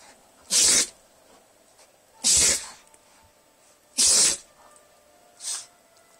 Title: Best sneeze ever